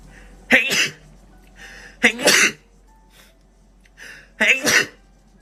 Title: Ab6ix sneeze compilation